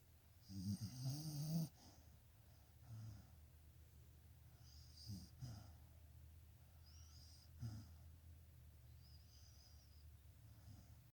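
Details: Dog sleeping and snoring.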